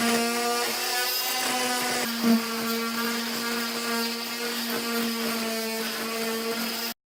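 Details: Steady high whining buzz of an oscillating cast saw, its pitch shifting slightly as it cuts through a patient's cast before stitch removal and recasting after surgery.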